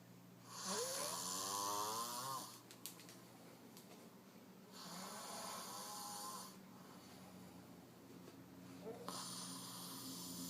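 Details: Father sleeping after working third shift, beside his infant son: loud rattling snores on each in-breath with quieter out-breaths, about three cycles over ten seconds; ordinary snoring.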